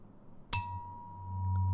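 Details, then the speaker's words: Sharp strike, then a steady pure ringing tone: a tuning fork held by the ear for an air conduction test after bone conduction in a simulated ASMR cranial nerve exam; heard louder through air than bone. "Can you still hear that? Good. Louder through the air than through the bone. Exactly what we want to see."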